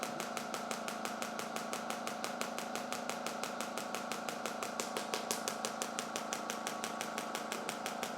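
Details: Shockwave therapy for anterior hip pain, suspected hip capsule/adductor magnus dysfunction, applied around the hip capsule under tension, with the patient reporting it tolerable but sore: rapid regular clicking pulses, about 118 a minute, from the device firing.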